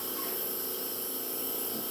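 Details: Tracheostomy mist compressor running for home or long-term-care trach humidification, gauge set to 40 with oxygen at 4 L, distilled water; instructional troubleshooting recording.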